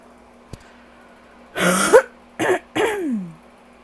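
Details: Allergy cough after coughing all day with a very tight chest: a faint click, then three rough, harsh, dry cough bursts, the last trailing into a groan.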